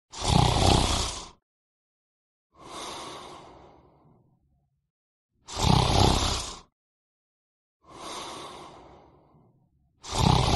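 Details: Male snoring, sound effect sourced from the internet; snoring.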